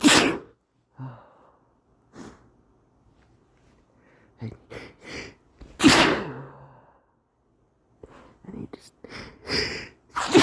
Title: need to sneeze